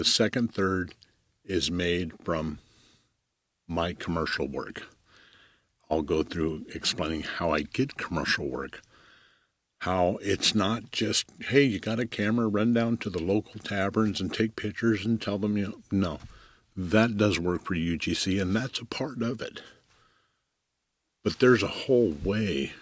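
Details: Adult male commercial photographer who says he stutters; long pauses and fragmented phrases; stuttering.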